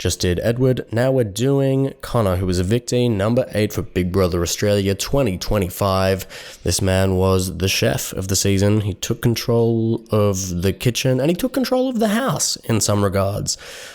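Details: Adult male podcast host; Normal adult male speech.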